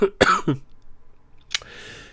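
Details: Two or three short, dry coughs with a voiced catch, then a breathy exhale, from an adult trans woman who has been sick this week; a brief cough during an illness.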